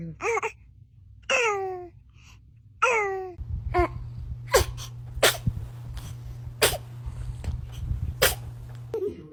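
Series of short, sharp bursts, some with a squeaky voiced quality, from a baby: repeated infant sneezes.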